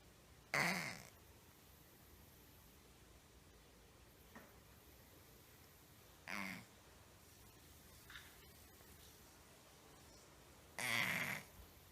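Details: 6-year-old female cat, noise for 1 month, mostly resting or sleeping, at top of inhalation, from throat area, often mouth breathing, no improvement after 3 weeks of antibiotics: three short, rough snorting inspiratory noises, throat-level stertor.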